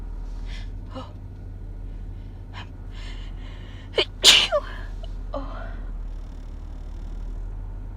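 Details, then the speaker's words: Person announcing an imminent sneeze, then a few soft catching breaths build to one loud, explosive sneeze and a brief exhale, from a wet sneezing fit. "Oh, I think, I think I'm gonna sneeze."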